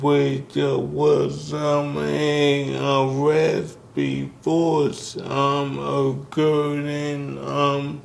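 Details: Dysarthria in a man in his 60s with ALS, diagnosed in 2020 after symptoms began in 2017; the disease first affected his speech, starting with a raspy voice.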